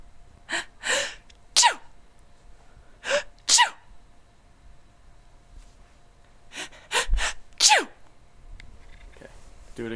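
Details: Several sharp, explosive sneezes in two bursts, each preceded by a quick in-breath; acted sneezes performed on request.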